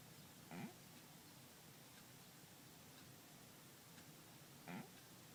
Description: Caught my cat snoring.